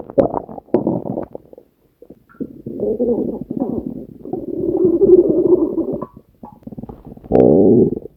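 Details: Hunger stomach growling (borborygmi), compiled from three years of recordings of the uploader's own stomach: long gurgling, rumbling and squeaking bursts with short pauses between them, a normal gut sound.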